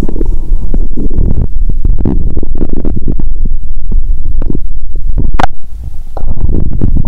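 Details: Loud, low continuous gurgles and rumbles with brief squeaks and clicks through a stethoscope on the belly of a person fasting over 15 hours: active hunger bowel sounds.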